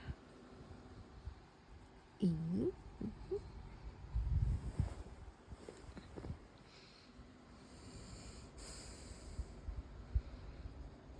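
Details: Belgian Malinois dog sleeping on a human's bed, snoring with irregular low snorts and rumbling breaths and a brief whine; ordinary snoring.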